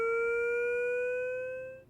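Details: Steady, slowly rising electronic charging tone from a LIFEPAK 20e defibrillator/monitor in AED mode after analysis says "stand clear, shock advised," then stopping; defibrillator charging tone before push-to-shock.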